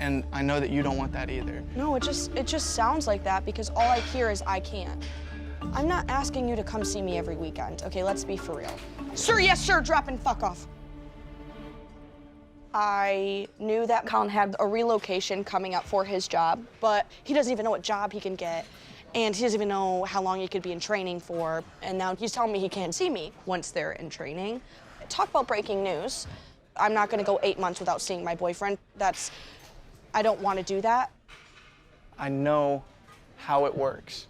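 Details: 21-year-old woman with severe Tourette syndrome and obsessive-compulsive disorder; narration ends with an involuntary swear-word tic; Tourette syndrome vocal tics.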